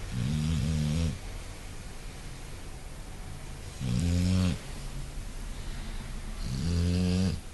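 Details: Snoring: deep, rumbling snores repeating every few seconds, three in the clip, with steady room noise between them.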